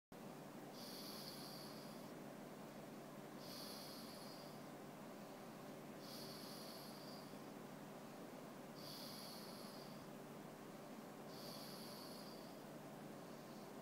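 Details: Dex snoring while trying to sleep, whether his eyes are open or closed: regular hissing, snorting breath noises about every two to three seconds over a steady background hum; snoring.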